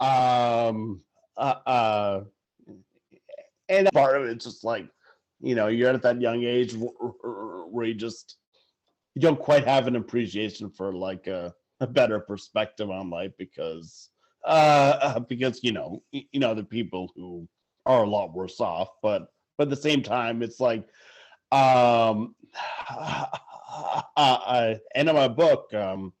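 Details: Adult male sportswriter who stutters, stuttering in conversation.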